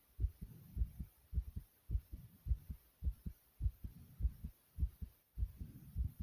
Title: Loud Heartbeat Sound ❤